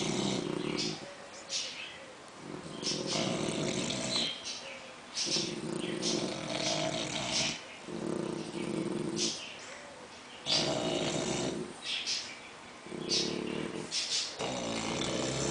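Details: English bulldog and French bulldog sleeping and snoring together: loud, rough, rattling snores in a steady rhythm about every 2–3 seconds, ordinary snoring in flat-faced dogs.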